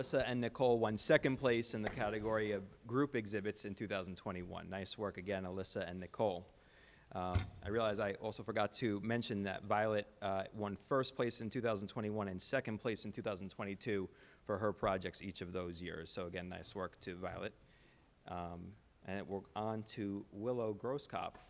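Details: Adult male presenter; Normal speech.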